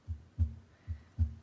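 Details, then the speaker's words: Normal S1 and S2 on a patient simulator, auscultated over the aortic area: regular paired low lub-dub thumps, about 75 a minute. "so this is going to be the aortic and here you can hear the heart sounds audibly we're listening for the love dog lub dub"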